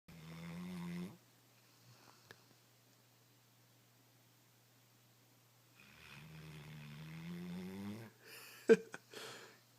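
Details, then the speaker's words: Female Greater Swiss Mountain Dog snoring in sleep, sounding like farting: two long, droning tonal snores separated by a quiet pause, ending with a brief snort. "Conan's snoring. Sounds like she's farting."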